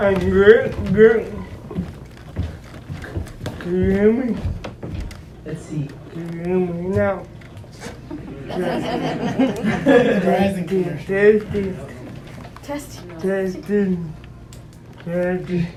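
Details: Adult man described as physically challenged with a speech impediment, a wheelchair user needing a personal care assistant: dysarthric speech.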